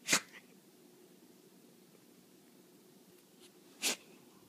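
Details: Sneezing in a Dachshund: two sharp, hissing sneezes a few seconds apart in a quiet room.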